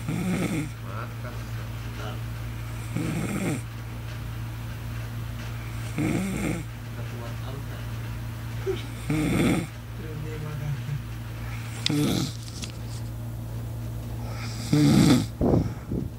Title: Tidur ngorok.mp4